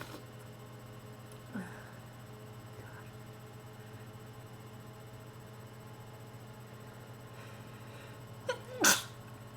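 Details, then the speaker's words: Person with bad allergies and a terrible cold, sniffling, wet sneezes: faint sniff, then a sharp sneeze burst; sneezing. "Oh god, cold and allergies still. Bad combination when you have really bad allergies and you sneeze. You sneeze a lot when you have a cold anyways."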